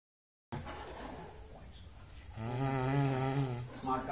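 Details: Person asleep: a soft rough breath, then a louder droning, buzzing snore; snoring.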